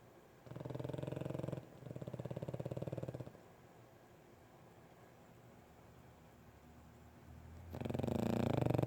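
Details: Loud, fluttering, rattly snoring in bursts with quiet pauses between breaths from Romeo, a sleeping overweight pug.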